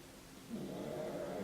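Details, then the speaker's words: After a quiet moment, a female pet pug gives a low, rumbling, fluttering snore while sleeping; she stops briefly when her name is said, then resumes. "Can you hear Muffins? Can you hear her snoring? I said her name and then she stopped. Oh, my sweetie pug."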